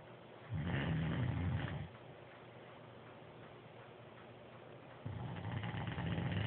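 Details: Two long, low, rumbling breaths separated by a quiet pause; snoring.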